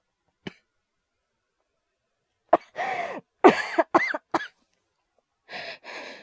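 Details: Performed cough voice by a male voice actor, all acted: a short cough, then several harsh coughs with breathy gasps between; simulated coughing from an asthma/hyperventilation cough series.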